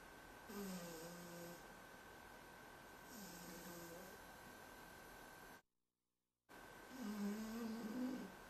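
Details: Overweight pet cat asleep: soft, rhythmic snoring, about three breaths heard, over a steady background hum; snoring.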